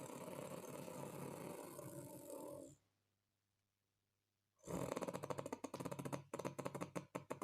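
Very loud, harsh rattling snore with a fluttering, vibrating quality, then a pause before more coarse snoring; heavy snoring.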